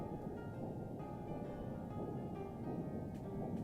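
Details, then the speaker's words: Pulsed-wave Doppler ultrasound of the superficial temporal artery at the eyebrow tail/hairline, located first with colour Doppler: rhythmic whooshing pulses about 90 a minute over low rumble, the typical arterial sound. "Yes, that's the typical sound of an artery. So now we just confirmed that this is a superficial temporal artery."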